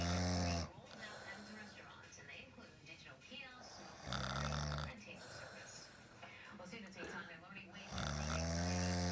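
Loud, rough, low rattling snores on each breath in, about 14 a minute, with quieter breathing between; typical adult snoring.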